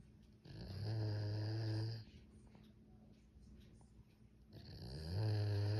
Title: Snoring like human